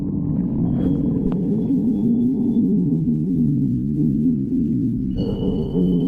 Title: Lemon stomach growling